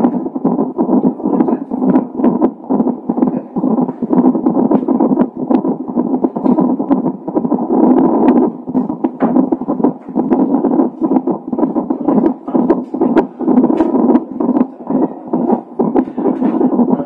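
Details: Fetal heart tones of a baby with Down syndrome, picked up by Doppler a few hours before birth: rapid rhythmic whooshing pulses at about 130 a minute over steady static.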